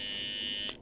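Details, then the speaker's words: Electric clippers shaving the excess hair from a Border terrier puppy's ear before an identification ear tattoo: a high, steady buzzing whine that cuts off sharply near the end. "the first thing that we do after we've had a cuddle shave the puppy's ear take care of all of the excessive hair"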